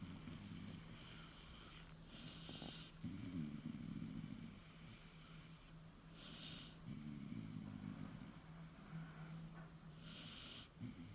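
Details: Irish terrier dog snoring contentedly while asleep: low rumbling snores about every four seconds over a steady background hum and faint hiss.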